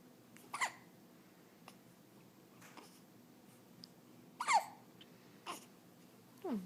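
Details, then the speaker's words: Hiccups in a 14-day-old, described as a big one. "You got the hiccups? Oh no. Oh, it's a big one."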